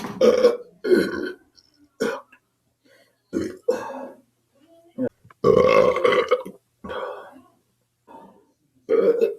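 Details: A person gives a run of loud, drawn-out burps with short pauses between them; repeated belching.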